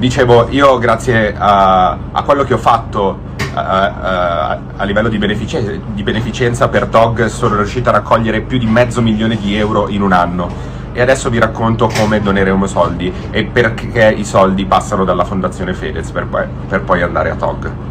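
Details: Stuttering in a man who apologizes for it, saying it has been a problem for some time and that forming a sentence takes him a while; word repetitions are heard.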